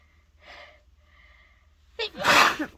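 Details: Person with a cold and stuffy nose, after taking a dose of chhinkni, sneezing repeatedly: quiet breaths, then a sharp inward gasp and one loud explosive sneeze.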